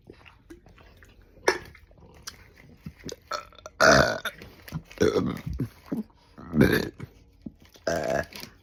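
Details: Several loud belches with short gulping and swallowing sounds between them, from a person chugging a drink and burping repeatedly; burping.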